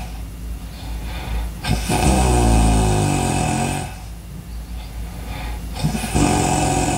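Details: Two loud, rough, vibrating snoring breaths with a quieter breath between them; heavy snoring.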